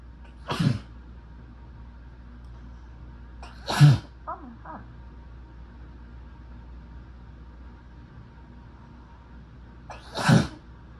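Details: Sneezing fit while sick: three forceful sneezes over about ten seconds, each preceded by a short inward breath, against steady room hum.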